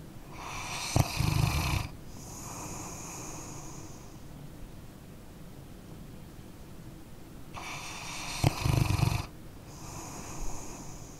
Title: {ASMR} Dog Snoring Sleeping Canine- 1 Hour Dark Screen Tingle Sounds Sleep Relax Study (NO TALKING)